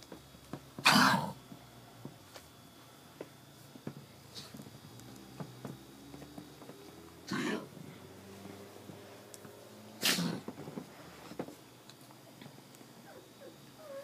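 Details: Dog Mugsy, unwell and on medication for kennel cough: three short, harsh coughing bursts in a quiet room.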